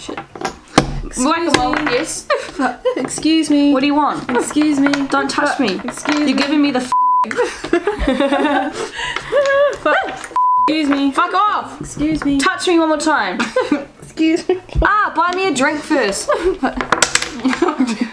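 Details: Vocal tics of Tourette syndrome in a speaker with Tourette's, heard as repeated phrases and outbursts.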